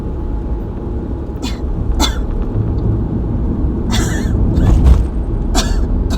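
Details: Cough during an asthma attack: about five short, dry coughs in irregular bursts over a loud low rumble.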